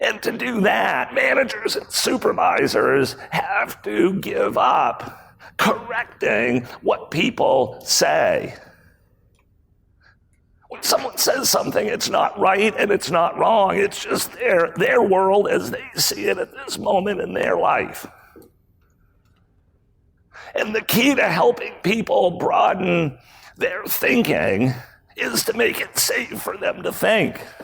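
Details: Spasmodic dysphonia, a rare voice disorder acquired in 2010 by an adult male CEO; throat muscles spasm and contract when he talks, sometimes making speaking difficult.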